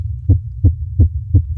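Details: Very fast heartbeat in a female, picked up by a microphone: regular low thumps about every 0.35 seconds, roughly 170 a minute, over a steady hum.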